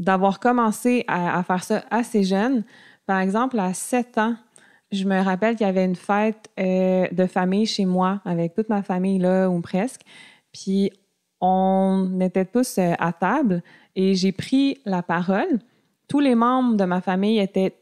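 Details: Adult woman diagnosed with stuttering at age 7, with a family history of persistent stuttering, who masked it until about age 21; audible repetitions; finding: stuttering.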